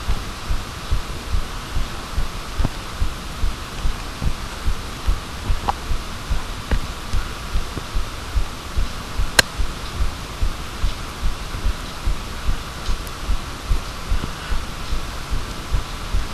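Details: Regular low thuds under steady hiss, roughly 73 beats a minute in paired beats, with an occasional sharp click; a heartbeat recorded with a microphone.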